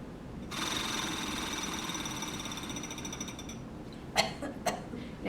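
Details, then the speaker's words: Simulated nursing-school demonstration of deep breathing and cough exercises, with a patient blowing into a flutter valve (oscillating PEP device) to move mucus: a sustained buzzing, rattling exhalation of about three seconds, then a couple of short sounds. "So, now we have the flutter valve. This is a small plastic device that you blow into to help move the mucus."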